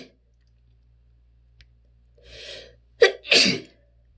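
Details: Allergy sneezing with attempts to hold sneezes back: a drawn-in breath, then a sharp burst and a second forceful sneeze; strong sneezing with a partly held-back sneeze.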